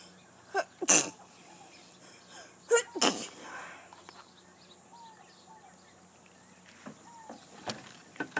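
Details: Sneezing from a girl working out outdoors: two sharp, explosive sneezes close together, with birdsong and a passing vehicle.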